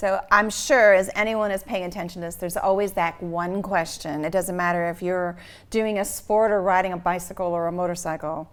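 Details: Adult woman speaking; typical speech.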